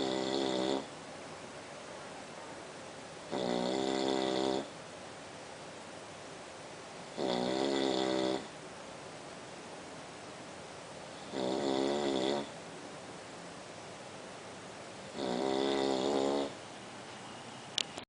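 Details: Five loud, buzzy, fluttering snores about every four seconds, with quiet breathing between them in a small room; snoring.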